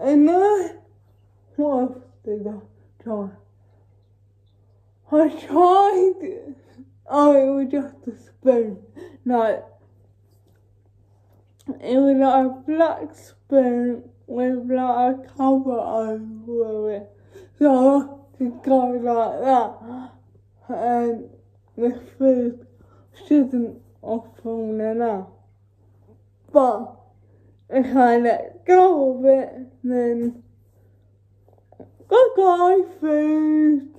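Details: Female with cerebral palsy talking while feeding herself with a Neater Eater feeding aid; no speech disorder is named: dysarthric speech (cerebral palsy).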